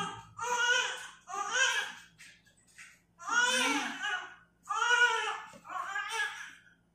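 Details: Newborn baby boy, 3.22 kg, crying just after natural birth: repeated strong, high-pitched wailing cries with brief breaths between.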